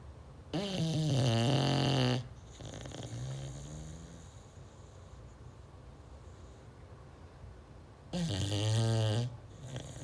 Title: Snoring beagle 😂🤣😂 #viral #viralvideo #beagle #cute